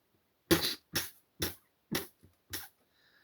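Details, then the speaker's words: Deliberate demonstration of cough suppression for staying silent: five or six short muffled cough bursts in quick succession, made with the lips relaxed and then pressed together to keep the cough quiet; a muffled voluntary cough. "Uh another thing you can do is uh doing the same with the lip. uh put your lips uh on each other, relax and then press them together and that way you can cough in small"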